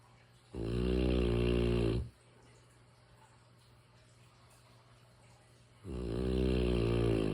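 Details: A sleeping mastiff gives two long, loud, rumbling snores separated by about four seconds of quiet breathing. It is ordinary snoring during sleep.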